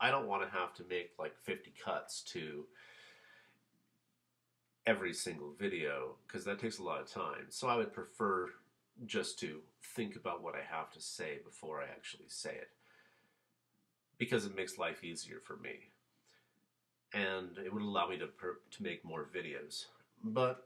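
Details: Adult male who has stuttered since about age 5-6, severe in childhood and alternating two fluent weeks with two severe weeks; still stutters, repeating words once or twice and masking it with fillers like "um" and "uh": stuttering.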